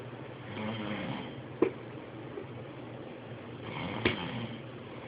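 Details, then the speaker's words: Adult man (daddy) snoring during a nap: soft, slow snoring breaths, about two in five seconds, with a couple of brief snorts. "Daddy snoring you hear Daddy snoring"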